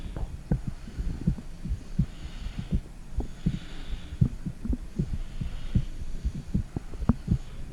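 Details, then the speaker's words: Own heartbeat recorded with a phone, microphone on the stomach: steady low muffled thumping at roughly 80 beats a minute, with faint soft rumbling underneath. "I'm going to be using my phone to take my heartbeat."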